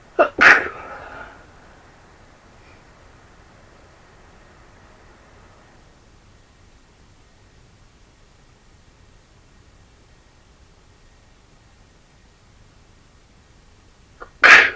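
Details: Two sharp sneezes, one at the start and one at the end, separated by quiet room noise: sneezing.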